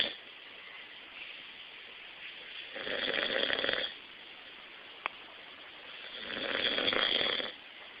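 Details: Snoring described as loud: two slow, hissing, rattling breaths about four seconds apart over steady room noise.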